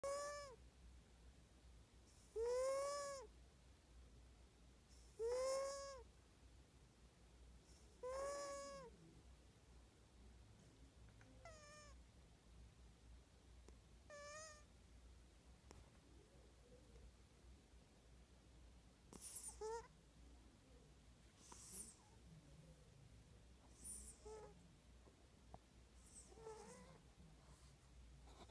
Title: Snoring Kitty!!!